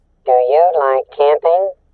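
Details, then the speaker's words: Simulation of a cochlear implant user's hearing, based on reports from patients implanted on one side with normal hearing on the other: the phrase "Do you like camping?" sounds thin, tinny, high-pitched, Munchkin-like. "O primeiro seria para um paciente normo-ouvinte e o segundo seria para o paciente usuário de implante coclear."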